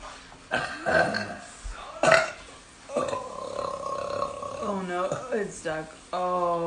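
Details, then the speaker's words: A girl burping: several loud, drawn-out voiced burps, some long and croaking, with brief vocal sounds between them. "it's stuck. The demon is coming."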